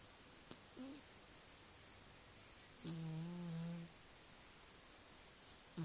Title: My cat snoring